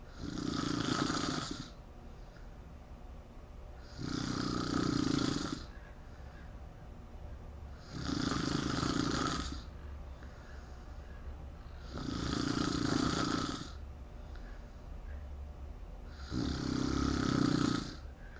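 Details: Loud, regular snoring with a rough rattle on each breath, roughly every four seconds, about 15 a minute.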